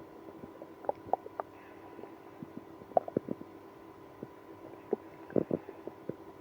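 Irregular bursts of gurgling and squeaky growls from the belly; active bowel sounds in irritable bowel syndrome.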